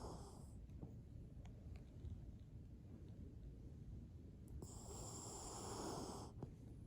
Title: Dog Snores